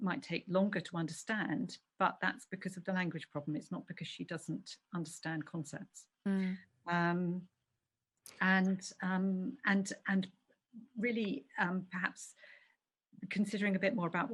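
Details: Adult woman speaking; ordinary speech.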